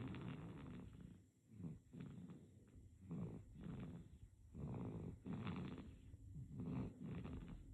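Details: Sleeping infant with soft, irregular snuffly snores and snorting breaths, fairly quick and uneven; light infant snoring.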